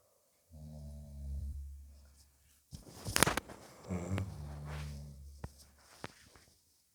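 Deep, buzzing inhaled snores with a snorting sound between them, in a small quiet room. Ordinary snoring.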